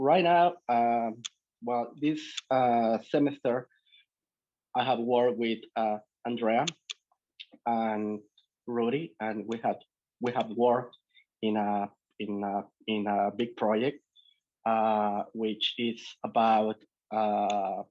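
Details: Adult male from Mexico who stutters, attending a stuttering center for a year and a half; repetitions and fillers heard. Finding: stuttering.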